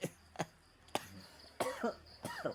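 An adult gives about six short, sharp, acted coughs in quick succession, some with a voiced, throaty tail, in a quiet room.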